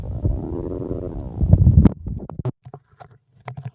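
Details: Stomach growling (borborygmi): a long low gurgling rumble, then a series of short bubbling pops from gas and fluid moving through the gut.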